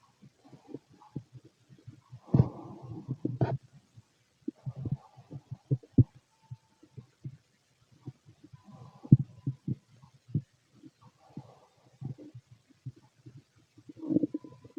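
Irregular low gurgles and rumbling bursts with quiet gaps between them: active bowel sounds from an empty stomach, a normal finding.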